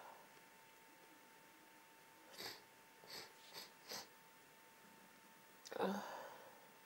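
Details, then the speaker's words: Intense half-stifled sneezing fit lasting about 20 minutes, with a tickly, congested nose: several short, muffled sneezes in quick succession, then one fuller sneeze burst, in a quiet room. "God this fit has been going on for the last 20 minutes but I've only just been able to start recording it"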